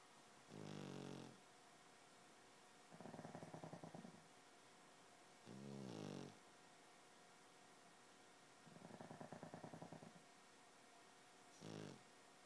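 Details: Two pugs snoring in time: loud rhythmic snoring alternating rattling and smoother breaths, about 10 breaths a minute.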